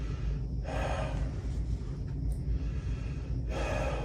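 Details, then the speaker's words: Thorax and pulmonary exam: the patient takes deep breaths in and out through the mouth on request for stethoscope auscultation on bare skin; two deep, airy mouth breaths separated by a pause, over low room hum. "Sor I need to take some deep breaths in and out through your mouth if you get laded please let me know great keep going for me"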